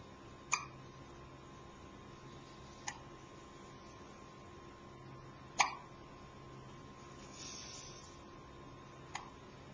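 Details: Person with hiccups, recorded on a Flip Video camcorder: four sharp, brief hiccup sounds at irregular intervals of about three seconds against a quiet room hum; repeated hiccups.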